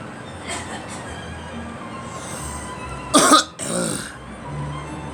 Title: Me coughing